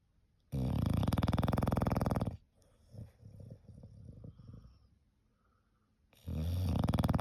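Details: English bulldog snoring loudly, likened to a pneumatic drill: rattling, rhythmic snore in two long bursts separated by quieter breathing; heavy flat-faced dog snoring.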